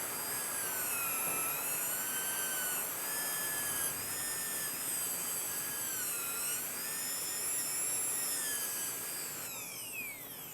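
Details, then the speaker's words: High-speed dental drill whine with air-spray hiss, rising and falling in pitch as it cuts the palatal side of a tooth at 45°, making a cervical orientation groove for an anatomic modified fibreglass post, during a class demonstration. "Vamos lá pra palatina. Vamos fazer o suco de orientação cervical com a mesma angulação."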